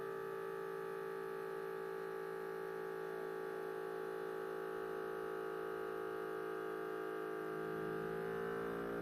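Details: Omron Series 10 Bluetooth automatic blood pressure monitor inflating during a home reading; steady motor hum of the cuff pumping up, pitch shifting near the end as pressure builds; result showed high diastolic, orange hypertension-range light.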